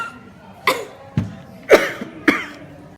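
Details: Acted coughing by hospital emergency department staff, demonstrating for mask-wearing awareness against airborne disease spread: four separate short coughs with faint room noise behind them.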